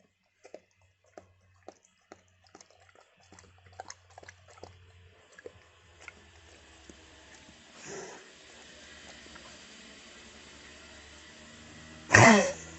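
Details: Dog cough: soft clicks and licking sounds, a brief huff, then one loud harsh cough near the end.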